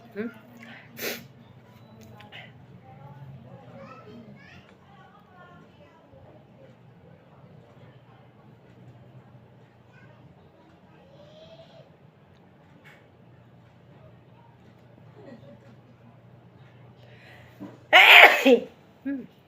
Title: Inducing sneezes.